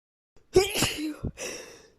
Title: chhinkni sneezing fit